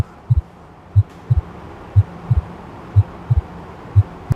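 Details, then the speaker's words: Normal heart sounds: regular paired beats at about 60 per minute, a lower-pitched, longer first sound (S1, "tum") and a higher, shorter, drier second sound (S2, "tac"). "Você percebeu que o primeiro som, a primeira bulha, é mais grave e mais longa. A gente vai chamar de tum. Então, a primeira bulha é o tum. Tum. A segunda bulha, ela é mais aguda e é mais curta. Um som mais seco."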